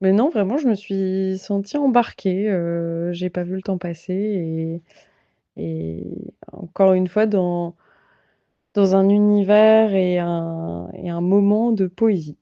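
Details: Adult woman speaking French; fluent speech.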